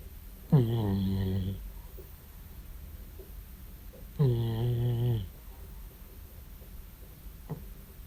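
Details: 14-year-old cat snoring: two loud, low, buzzing snores about a second long each, roughly 16 a minute, with quiet breathing and room noise between; feline snoring.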